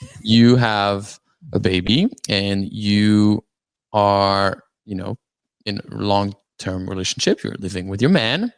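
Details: Dysarthria in an adult man with cerebral palsy from oxygen loss at birth, self-rated about 5 to 7 of 10 in severity, wheelchair user; speech impediment described as hard to understand, especially on the phone.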